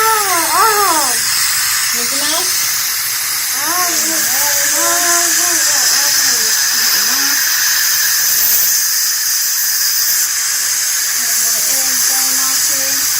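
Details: Young boy at dentist having sealant applied to his last two teeth on one side, mouth held wide open: loud steady hiss of dental suction and water spray with the child's sounds.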